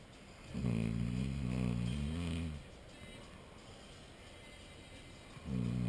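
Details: An adult man snoring after a hard night's work: long, loud, rumbling snores with a pause between them; heavy snoring.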